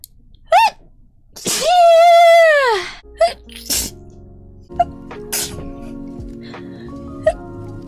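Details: Young woman streamer: drawn-out high voiced intake, then a sharp explosive burst with softer bursts after, music in background: sneezing.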